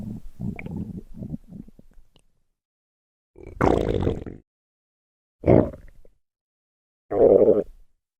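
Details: Stomach growling and gurgling: several low gurgling, rumbling bursts with pauses between them; ordinary bowel sounds.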